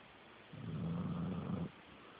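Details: A single low, rattling, buzzing breath lasting about a second during sleep; a snore.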